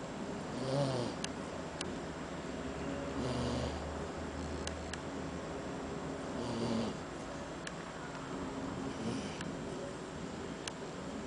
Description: Labrador puppy snoring